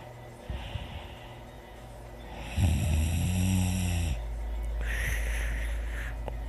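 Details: Low, rattling snore on an in-breath over a steady background hum; quiet snoring during sleep.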